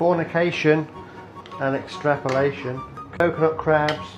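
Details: Person with Tourette syndrome speaking with vocal tics while cooking, with background music; vocal tics.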